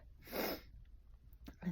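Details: Deliberately induced sneeze: a single breathy sneeze burst in a quiet small room, followed by faint rustling.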